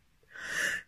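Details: A woman with spring hay fever gives a single loud, hissing sneeze after a brief quiet intake of breath.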